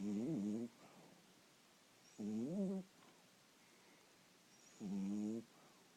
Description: This dog sleeps with his eyes partially open and snores like a bear in hibernation.